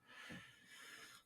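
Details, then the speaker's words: Older dog with recent health issues breathing noisily, snorting, with a faint thin whistle: wheezing. "if you can hear that that's my dog Mary Jane she's wheezing she's uh she's having some issues lately she's a little older"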